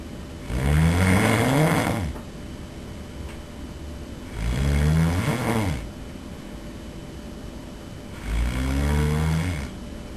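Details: Three loud, rattling snores on breathing in, about 16 a minute, with quiet room noise between, filmed by the snorer's roommate during sleep; heavy snoring.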